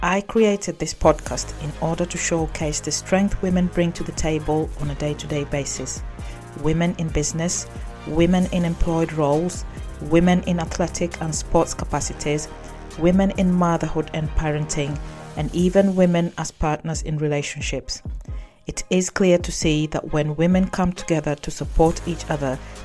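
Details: Adult woman speaking; normal speech.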